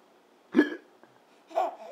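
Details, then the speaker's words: Infant boy, almost crawling, hiccuping while on the floor: two short, abrupt voiced catches about a second apart. "hey bud hey you want to do some hiccuping"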